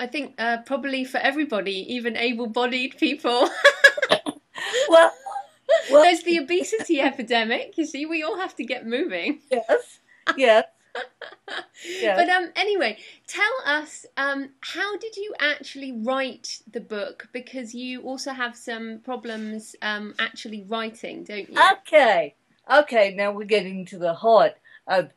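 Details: Adult interviewer; normal speech.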